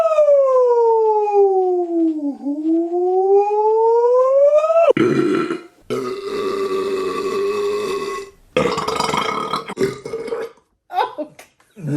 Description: Haven't done a Burp compilation in a while. Enjoy some of my finest caveman style burps.